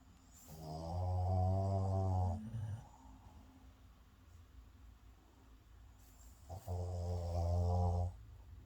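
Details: Snoring: two long, loud, deep droning snores on the in-breath, with quiet breathing between them.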